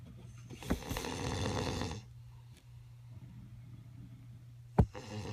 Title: my Dad snoring at hotel